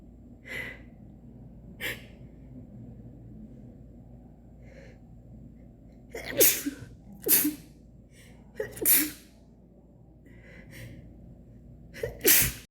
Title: Sneezing attack, my nose itches #cantstopsneezing